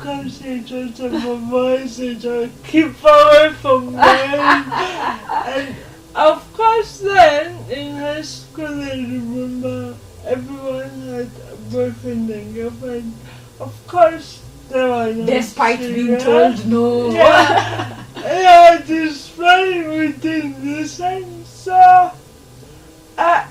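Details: Dysarthria in a 26-year-old woman with lifelong cerebral palsy; her speech makes her hard to understand.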